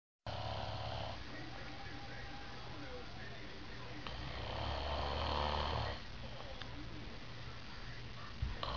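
Steady low rumbling snore with a louder, rougher stretch midway, over room noise.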